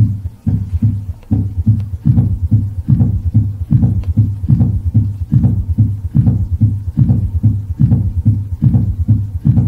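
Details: S4 gallop: regular low-pitched heart sounds about 72 per minute with an extra soft sound just before the first sound, produced by atrial contraction against a stiffened left ventricle; cannot occur in atrial fibrillation.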